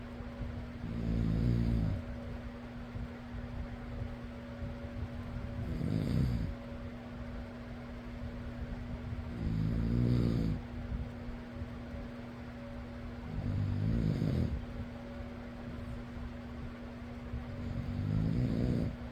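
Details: Person snoring in sleep over steady fan hum; low rumbling snores about every four seconds, roughly 15 a minute; ordinary snoring.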